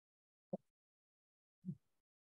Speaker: and the reason they make that sort of noise is they're trying to Exhale through a closed glottis they're trying to give themselves some some people some extra um expansion to their lungs as they breathe out